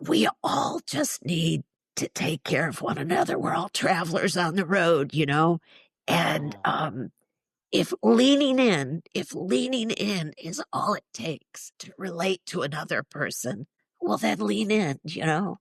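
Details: Spasmodic dysphonia, neurological (basal ganglia), with essential tremor, in a woman in her mid-60s treated with Botox injections to the vocal cords; weak voice, especially disrupting vowels.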